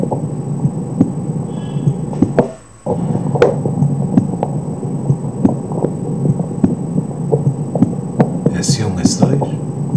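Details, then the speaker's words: Normal heart sounds through a stethoscope at the mitral area: regular low thumps with distinct first and second heart sounds, no S3 and no murmur, over a steady hum with some handling noise. "primeiros são e segundo são bem visualizadas sem esse três sem O sopro alguns ruídos"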